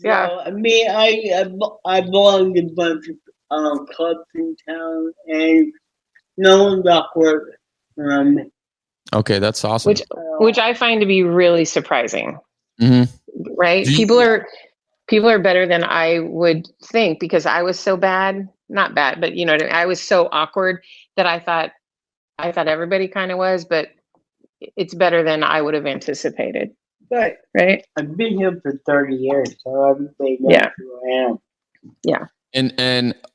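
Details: Adult man born with cerebral palsy from lack of oxygen at birth, uses a wheelchair with reduced motor function, self-rated CP severity about 5–7 of 10, with a big speech impediment hard to understand especially by phone; dysarthria (cerebral palsy).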